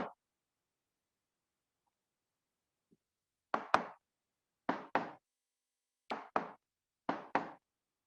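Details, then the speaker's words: Simulated normal lub-dub heart rhythm: a lecturer on rheumatic heart disease gives four paired knocks for short first and second sounds, with a longer pause between pairs for the longer diastole. "Heart sound is just like that. 1, 2. 1, 2, 1, 2. So they are short-lived."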